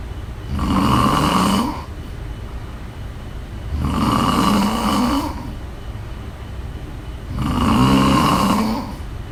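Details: A female snorer gives loud, rattling snores on each breath in, three in nine seconds, about 17 breaths a minute.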